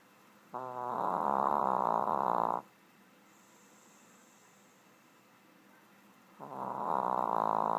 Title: Stewart the Snoring Shih tzu